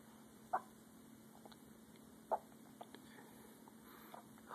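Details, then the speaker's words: Infant son's first hiccups: two soft, sharp hiccups about two seconds apart over quiet room noise. "this is great first hiccups plate great hey hey now hold your breath"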